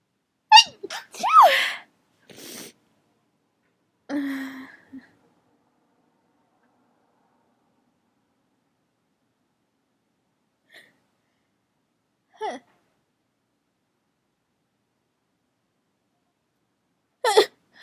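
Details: Person deliberately inducing a teasing sneeze: a few sharp sneeze-like bursts with a gasp, then near silence with faint breaths and one last burst; sneezing with build-up.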